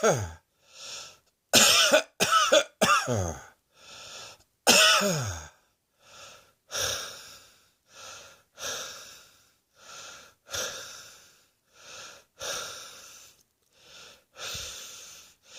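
Repeated loud coughs, some in quick clusters, about 19 bursts over 15 seconds in a quiet room; a harsh, frequent cough.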